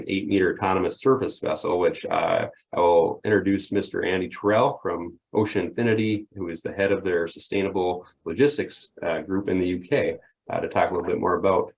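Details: Adult man speaking; normal voice.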